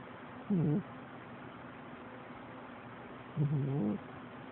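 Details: Sleeping pet cat snoring: two loud, low, fluttering snores about three seconds apart over steady background hiss.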